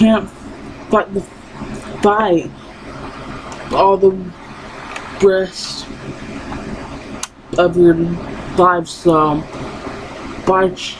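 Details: Woman with lifelong stuttering that persists despite therapy; she recalls being unable to say her own name.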